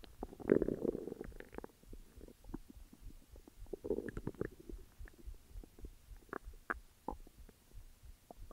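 Irregular low gurgles and rumbles from the abdomen: ordinary stomach growling, normal gut movement of gas and fluid.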